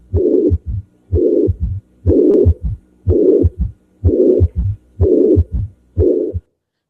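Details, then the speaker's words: Severe mitral regurgitation: heart cycles at about 62 a minute with a long blowing systolic murmur, an S3 from regurgitated blood returning in diastole, and a low diastolic rumble; a voice begins at the end. "regurgitation and then all the blood that regurgitated will have to come forward in diast giving this extra sound which is an S3 and and this little additional Rumble so lots of noise so this is mitro regurgitation"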